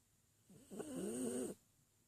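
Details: Puppy snoring in sleep: a single drawn-out, whistling, squeaky breath lasting about a second.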